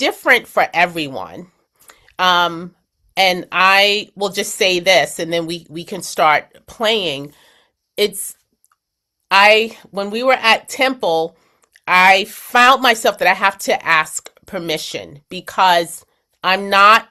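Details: Post-stroke aphasia with word-finding difficulty in an adult woman, describing an object during a word-finding game in an aphasia conversation group.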